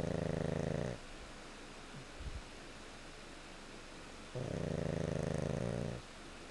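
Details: Pug dog snoring: two long, buzzing, fluttering snores on inhaling, separated by a quiet pause of about three seconds; snoring.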